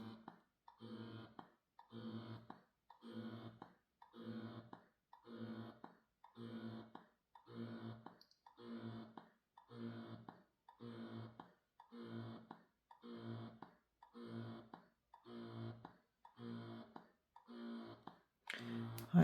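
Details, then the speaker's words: Mom Cozy Air wearable breast pump running at maximum setting during noise testing: steady rhythmic motor hum in even pulses, about 50 a minute; measured average 36.1 dB, maximum 52.1 dB. "It's actually really interesting going through this as well to hear all the different rhythms and cycles that these pumps have. They're not all the same."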